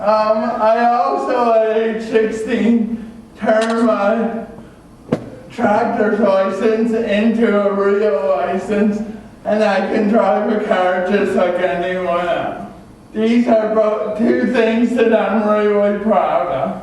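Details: Adult male with cerebral palsy from oxygen loss at birth (umbilical cord around throat), a type involving muscle stiffness and irregular movements, noticed around age 1; had extensive speech therapy; dysarthria (cerebral palsy).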